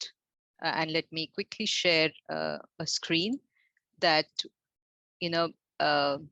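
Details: Adult woman speaking; Normal speech.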